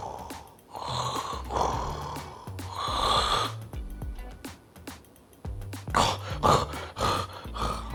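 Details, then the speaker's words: Imitated obstructive sleep apnoea: loud rattling snores stop for a couple of seconds as breathing ceases, then resume as choking, gasping breaths for air. "itu menunjukkan saya berhenti bernafas dan kemudian pilih sayur tersedak takkan macet terbangun dan kita akan tersedak dan kita akan gasping for air"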